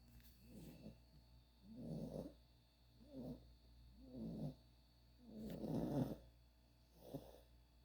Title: Ruby Snoring #puppy #cutepuppy